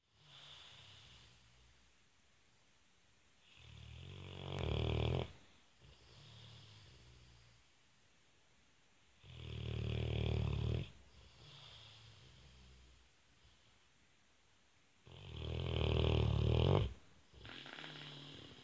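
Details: Sleeping male, described as snoring and farting for hours: loud, rough snores on each in-breath, about every six seconds, with quieter snuffly out-breaths between; snoring.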